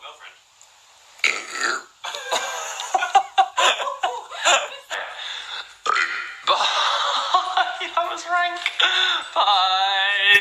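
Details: A man's repeated loud, long, rumbling belches, some drawn out and voiced, with brief laughter between; burping compilation.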